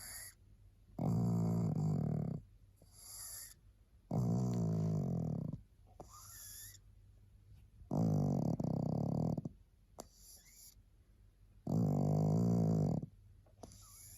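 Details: Tired pug sleeping, snoring loudly with rattling snores about every 3.5 seconds, roughly 17 breaths a minute, quiet pauses between.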